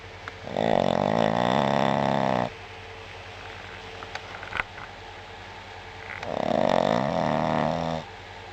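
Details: Sleeping dog snoring: two loud, rattling, fluttering breaths about four seconds apart.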